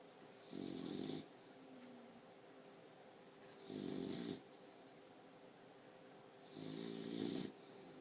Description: This is my 4 month old boxer snoring. (turn it up)